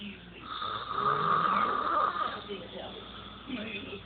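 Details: Daughter snoring: loud, harsh, rattling breath noise with a high whistling edge, rising and fading with each breath; snoring.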